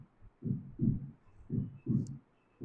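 Low, regular heart thumps with a quiet gap between them; normal heart sounds with no added murmur.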